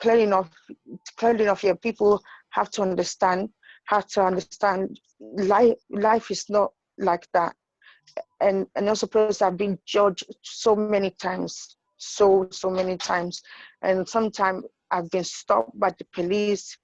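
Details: Woman with intracranial hypertension and sight loss who reports stuttering and difficulty saying familiar words because of her condition; stuttering.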